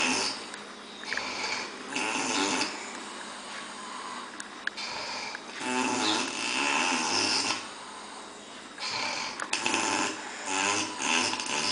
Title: Loud Snore 11